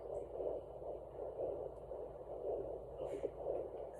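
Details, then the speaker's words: Home fetal Doppler (Sonoline B) at 14 weeks of pregnancy, probe just above the pubic bone. Slow, soft whooshing pulses about 58 per minute: either a vein or the placenta, not the fetal heartbeat. "interesting it's either a vein or the placenta and this is the baby"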